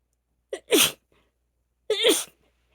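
Two forceful sneezes, each with a sharp intake of breath before the burst; allergy sneezing.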